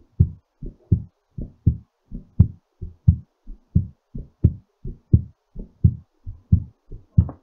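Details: Regular paired lub-dub heart sounds at about 86 beats per minute during recovery after exercise; normal heartbeat.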